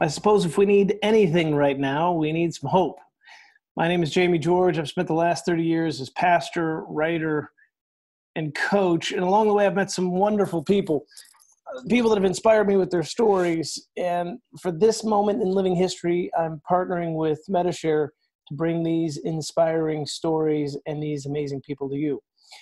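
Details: Adult male speaker; normal speech.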